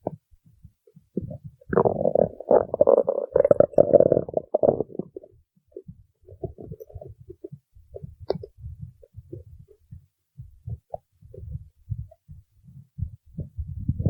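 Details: Loud gurgling, rumbling stomach growls: a long burst followed by softer irregular bubbling; stomach growling (borborygmi).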